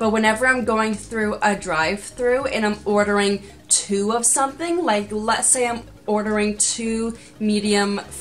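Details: Woman with stuttering that has worsened since childhood and is tied to anxiety; she avoids difficult words by swapping them or rearranging sentences, and has trouble with 'h' words and the 'sn' cluster.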